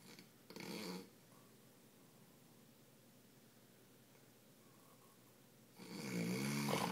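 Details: Man asleep in a hotel room: two harsh, rattling snores about five seconds apart with quiet room noise between them; snoring.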